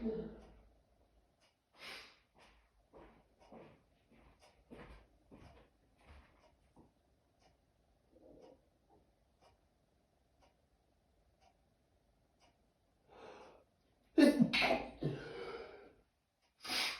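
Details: Quiet breaths and sniffs, then a sudden loud sneeze followed by another; second, bigger sneezing fit in two days, with allergies suspected.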